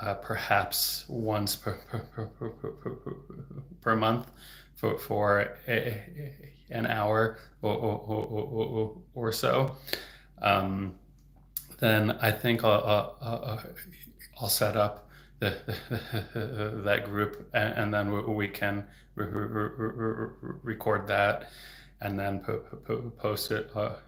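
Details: Adult man who stutters, a speech-language pathologist, who reports getting stuck on words; stuttering.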